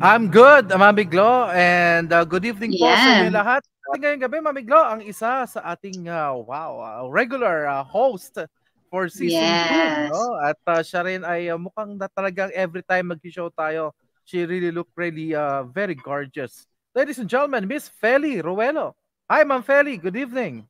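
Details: Adult speaker, online call; ordinary speech.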